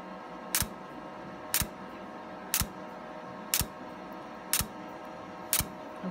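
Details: Laser hair removal device pulsing: sharp, regular clicks about once a second, 60 a minute, over a steady hum.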